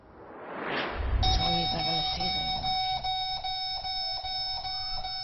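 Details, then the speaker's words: Two-year-old boy with up to 60 seizures a day, medication not working: rapid repeating electronic beeps from a breathing monitor alarm over room noise and brief voice, warning that he is having a seizure. "TWO-YEAR-OLD TRISTAN'S EYES GLAZE OVER AS THE ALARM ON THE BREATHING MACHINE SOUNDS, WARNING THAT HE IS HAVING A SEIZURE."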